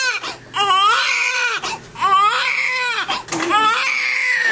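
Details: Loud, rising and falling crying in repeated bursts from a newborn baby girl just after birth, with some room noise; newborn cry.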